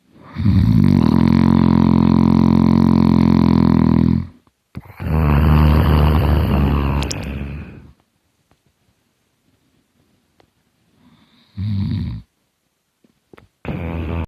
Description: My hard snoring